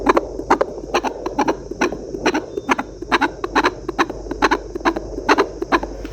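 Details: Fetal heartbeat on a handheld Doppler used at home during pregnancy: rapid, regular galloping whooshes over steady hiss at about 130 beats a minute, within the stated normal range of 120–160.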